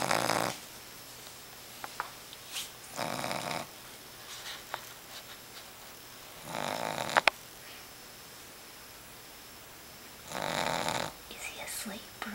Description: Our boston terrier puppy has the loudest snore! Look, his eyes are even open.